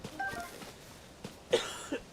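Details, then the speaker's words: A single sharp cough close to the microphone, with a short softer follow-up, over quiet room noise. "Why are you saying sorry? For coughing. Doing big coughs in the mic."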